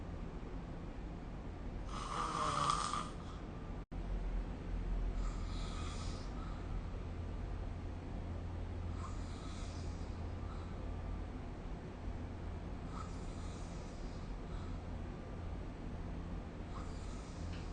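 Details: Snoring recorded with the SnoreLab app: soft, rough snoring breaths repeating every few seconds under steady room hum, the first loudest and the rest fading.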